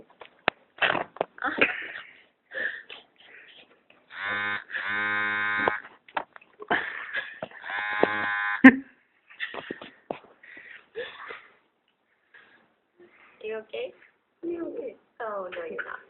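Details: Dog coughing or clearing her throat: short raspy bursts and drawn-out honking, groaning sounds.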